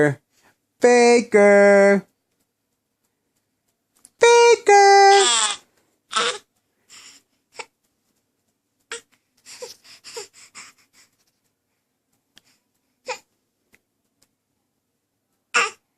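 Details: A young girl does her fake cough when she doesn't like something: loud, strongly voiced, put-on coughs, then softer short bursts; a deliberate voluntary cough, not illness.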